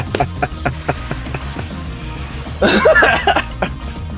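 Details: Cough from an adult who says they recently lost their voice at an event.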